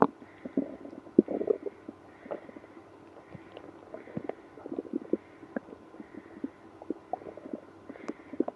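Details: Stomach growling with frequent gurgling, bubbling rumbles and squeaks over several seconds in a person with irritable bowel syndrome after drinking milk and prune juice; active bowel sounds.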